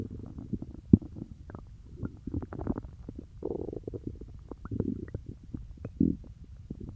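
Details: Stomach growling after eating peanut butter: low bubbling gurgles and squelching rumbles that come and go continuously, with a few sharper pops, active normal bowel sounds (borborygmi).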